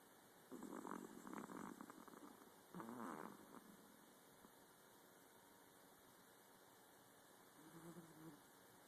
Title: Cutest Miniature Pomeranian snoring